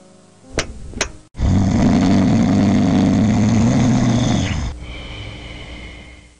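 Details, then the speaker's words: Loud, sustained, rough rattling breath sound during sleep over background music; snoring from partial airway blockage causing vibration of the soft palate and uvula. "los ronquidos aparecen cuando las vías respiratorias se bloquean parcialmente forzando a a los pulmones a inhalar con más fuerza para compensar la falta de aire que entra al cuerpo"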